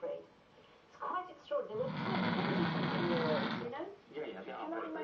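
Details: Snoring-like noise: a long, loud, rattling snore sound of about two seconds made by a man amid conversation, with speech before and after.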